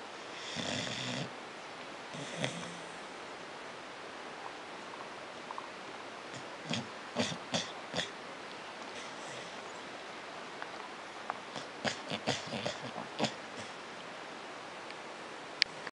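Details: 7-year-old beagle asleep and twitching, with a couple of snorting snores early on, then scattered short clicks and snuffles; snoring.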